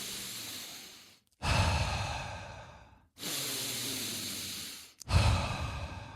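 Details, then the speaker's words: Simulated demonstration of breathwork hyperventilation: deep, forceful breaths drawn in and blown out, about three in six seconds, deliberate over-breathing to hyper-oxygenate the blood before breath retention. "Okay? You're really hyper oxygenating the blood. And when you do that, okay, let me give you, it sounds kind of like this"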